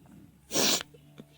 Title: Literally sneezing like crazy